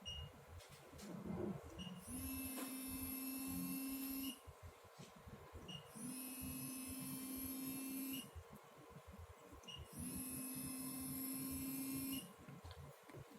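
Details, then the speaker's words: Thermagic FLX radiofrequency skin-tightening handpiece at treatment level 5, vibration at highest, on gel-covered skin with a pad stuck on the back. Three steady, high-pitched two-second tones with short gaps. "Pour some gel on your skin. I know to start from 5. Vibration, you can use highest."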